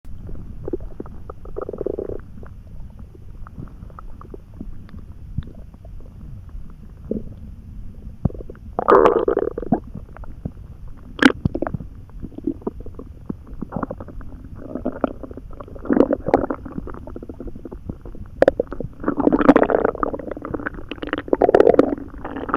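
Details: Loud, active bowel sounds (borborygmi): gurgling, bubbling and rumbling in bursts with quieter gaps, recorded after eating a few poorly chewed hot dogs and drinking a lot of water.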